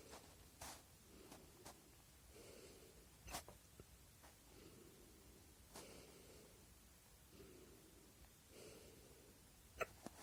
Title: I can't sleep, because I have the hiccups...